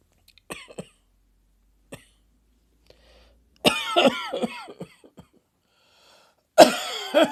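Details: Sudden coughing fit triggered by a throat tickle: small throat clicks and a brief cough, then a run of harsh, partly voiced coughs and another burst.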